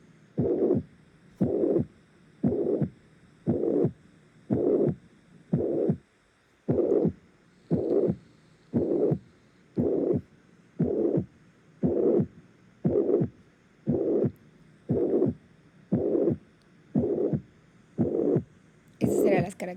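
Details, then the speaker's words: Systolic murmur of mitral regurgitation, presented in context of mechanical complications of acute myocardial infarction: regular beats about 58 a minute, each followed by long blowing whoosh filling gap between heart sounds. "Voy a presentarles ahorita cómo se escucha un soplo en insuficiencia mitral. Ahorita se va a escuchar."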